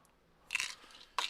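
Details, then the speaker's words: A person's jaw clicks loudly while chewing, now painful and feeling like it will snap: two sharp, crunchy clicks, a temporomandibular joint click. "to the point where i when i'm chewing my jaw clicks so much it's so hard if i could hear it across the room that's how bad it's clicking"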